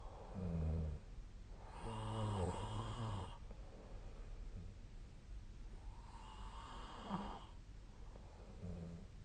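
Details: Snoring during sleep: low, buzzing snores on the in-breath alternating with softer breathy out-breaths, about 13 breaths a minute, over faint background hiss.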